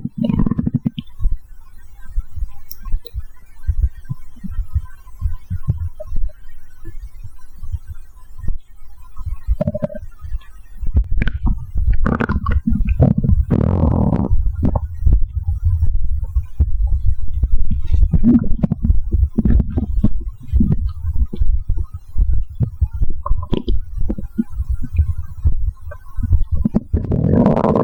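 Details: After drinking about a can of cola: frequent low gurgles and rumbles from the abdomen, ordinary stomach growling as gas and fluid move. Bowel sounds (stomach growling).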